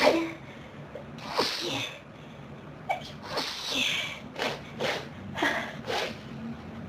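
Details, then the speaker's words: Quite intense sneezing fit: a rapid run of forceful, explosive sneezes in close succession with noisy breaths between them, followed by needing to blow the nose; sneezing fit. "Oh, wow. This is a big sneezing fit. Do you feel it?"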